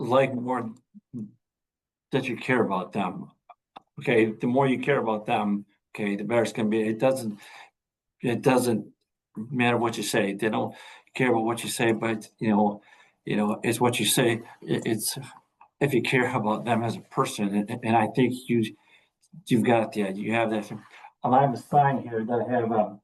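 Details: Adult male veteran high school coach and athletic director who stutters and reports days when he cannot get a word out; stuttering.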